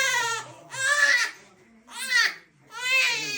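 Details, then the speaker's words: Infant cries in four strong, high-pitched bursts with short pauses, protesting discomfort during nasal cleaning with 0.9% sodium chloride saline drops and massage for noisy nasal breathing. "বাচ্চা একটু কান্না করলেও, discomfort feel করলেও এই নিয়মে দিতে হবে, শুধু ড্রপ দিলে হবে না।"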